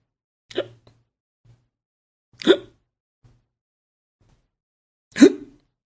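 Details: Hiccups sound effect: three abrupt, sharp gulping bursts a couple of seconds apart on a quiet background.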